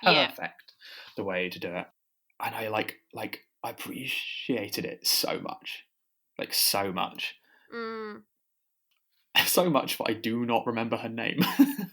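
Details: Stammering in a podcast host who has a stammer.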